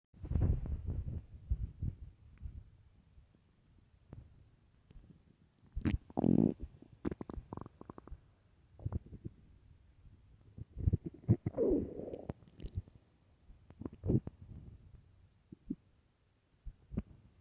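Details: Extremely loud, irregular gurgling and rumbling bursts with squeaky runs from the belly: stomach growling on an empty stomach, normal borborygmi.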